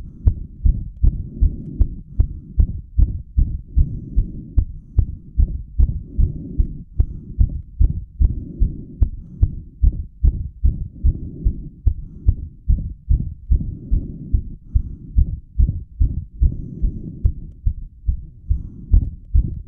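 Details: Self-recorded heart straight after squats pushed heart rate to 180 bpm; fast, strong, regular thumps near 145 a minute with soft whooshing between beats, prominent apex beat; rapid heartbeat after exercise.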